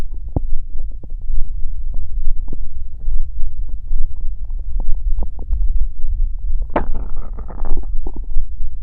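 Low bubbling gurgles and pops with a longer rumbling growl near the end; ordinary stomach growling.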